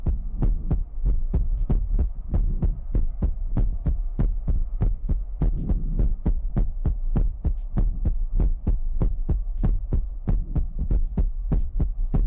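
Rapid, strong low thumps, around 98 a minute, over a steady hum: a fast, regular-sounding heartbeat.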